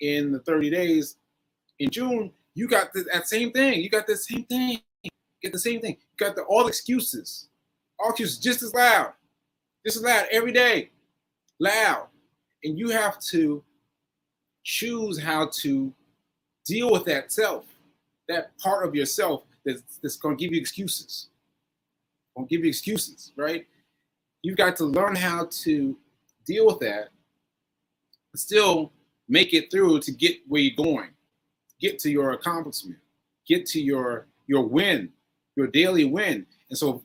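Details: Post-stroke aphasia in an adult man, about one year after a stroke on 7/14/22, still recovering; aphasia with word-finding difficulty.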